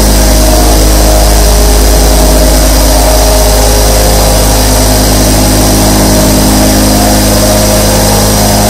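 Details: Twenty-four nebulizer compressors running together for sleep ASMR: steady loud mechanical hum with a fast rattling buzz.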